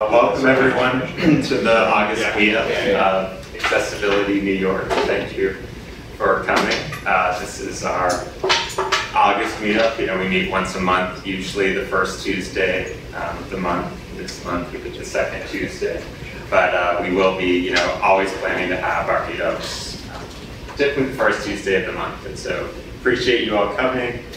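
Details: Adult male speaker; typical speech.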